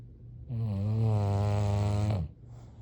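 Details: Bulldog snoring during sleep: a single long, low, rattling snore on one breath with quiet room noise before and after; ordinary snoring in a short-nosed dog.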